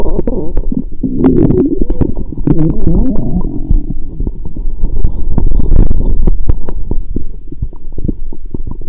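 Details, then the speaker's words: Adult lying down after drinking many lactic acid bacteria drinks, stethoscope gently on the belly. Low gurgling, bubbling rumbles with frequent irregular pops; active bowel sounds (borborygmi). ""My stomach is rumbling a lot 😳". "The sound of my stomach is getting louder 😅"."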